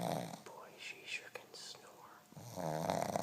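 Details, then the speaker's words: Female pug, asleep after a tiring day in a workshop and possibly dreaming: loud, rough snoring breaths with snorting and wheezy whistling between; snoring in a flat-faced dog. "snore her snoring is so loud I think she's running in Her [Music] Dream"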